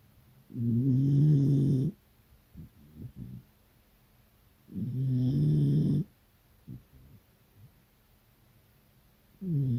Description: Cute beagle snores loudly while having an afternoon nap with Dad.